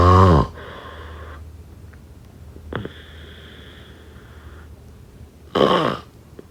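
Loud, low rattling snores on breathing in, with soft whistling breaths out between them.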